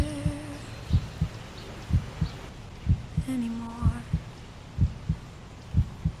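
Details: Heartbeat track mixed with music and nature sounds for a sleep playlist: paired low thumps at about 60 beats a minute under soft music and hiss.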